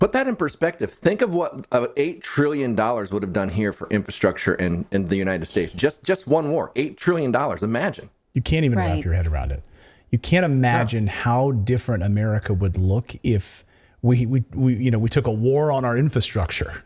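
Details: Adult male speaker; ordinary speech.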